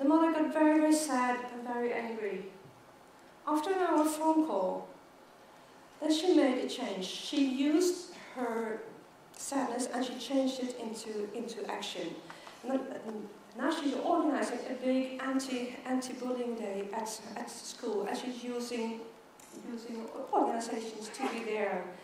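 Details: Stuttering in an adult woman who stutters, giving a keynote talk at a world congress for people who stutter.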